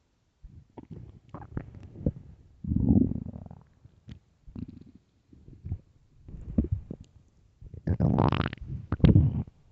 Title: early morning stomach growls (headphones) part 2